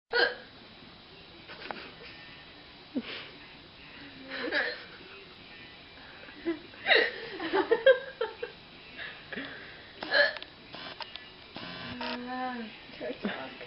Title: Drunken sexy girl got Hiccups | Drunk Girl Hiccups